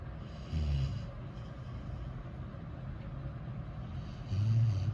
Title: Cute sleeping beagle snoring